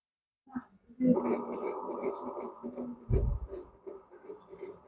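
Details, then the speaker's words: Fetal heartbeat by Doppler during ultrasound at about four months of pregnancy, conceived after a miscarriage six months earlier: rapid whooshing pulses counted at 162 beats per minute, a normal rate. "শুনতে পাচ্ছেন আশা করি এটা হচ্ছে বাচ্চার heartbeat বাচ্চার heartbeat যদি count করি তাহলে আসতেছে হচ্ছে 162 বিট পার মিনিট"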